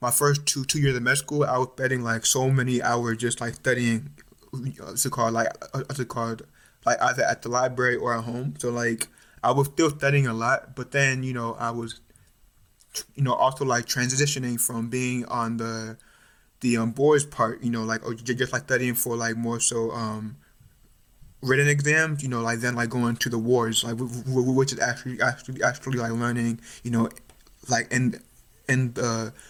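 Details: Stuttering in an adult male medical student; he describes it as more overt now, with blocks, repetitions and facial tension.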